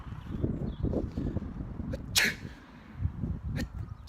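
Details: A single sharp, forceful sneeze over rumbling background noise in a comedy skit, followed by swearing.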